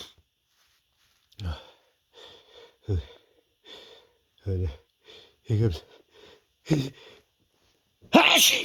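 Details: A male's big sneeze with a long build-up: several short gasping breaths, then one loud explosive sneeze.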